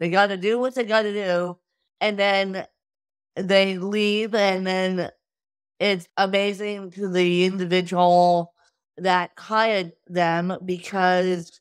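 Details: Adult woman with cerebral palsy since birth from lack of oxygen at birth; wheelchair user with difficulty speaking, sitting up and eating, and easy fatigue; dysarthria (cerebral palsy).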